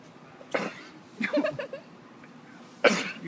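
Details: A sheep gives two sharp, explosive nasal sneezes with a snorting, partly voiced burst between them, over quiet outdoor background: sneezing.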